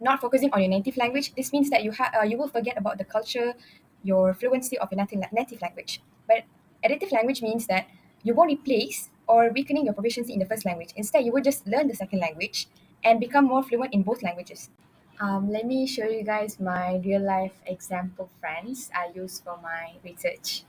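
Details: Adult woman; normal speech.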